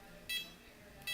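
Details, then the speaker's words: Pulse oximeter beeps from an OxiMax N-85 capnograph/pulse oximeter on a woman; short high-pitched beeps, one per pulse, pitch higher when SpO2 is higher and lower when SpO2 drops. "beeping that we hear is kind of interesting when the spo2 is higher it'll be it'll beep at a higher pitch"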